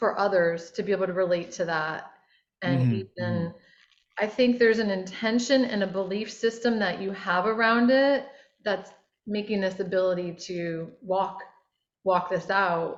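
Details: Adult woman speaking; speech.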